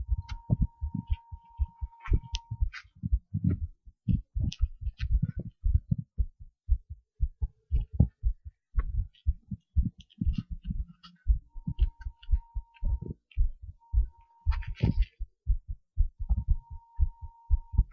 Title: heart sounds short recording